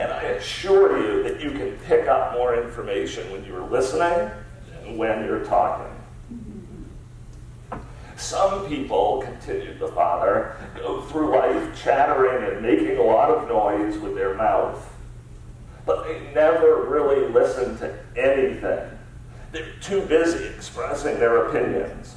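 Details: Adult man with spasmodic dysphonia, a rare neurological disorder affecting only speech with no known cause or cure, treated with periodic Botox injections; spasmodic dysphonia.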